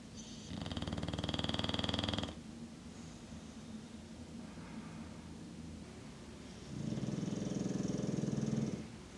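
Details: Snoring recorded at various times over the past year: loud rattling snores on breathing in, about 2 seconds each, with quieter breathing between; ordinary snoring.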